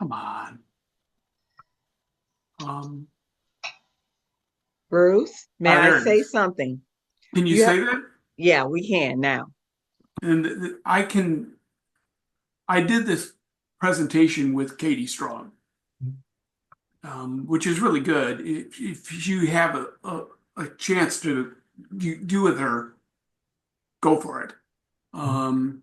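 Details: Aphasia in an adult male, acquired after a traumatic brain injury from a bike accident without a helmet and about a month in a coma, about four and a half years post injury, presenting at an aphasia support group.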